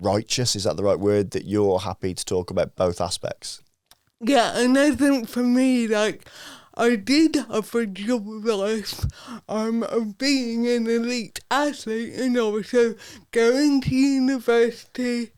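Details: Adult woman with athetoid cerebral palsy from birth, Paralympic dressage rider whose speech is affected by it, previously self-conscious about her speech; dysarthria (cerebral palsy).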